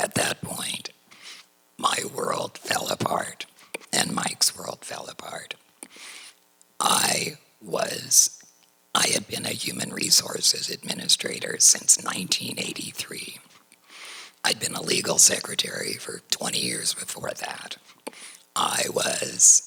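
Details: Tracheoesophageal speech through a voice prosthesis in a woman, after total laryngectomy for cricoid chondrosarcoma diagnosed in 2006 at age 55.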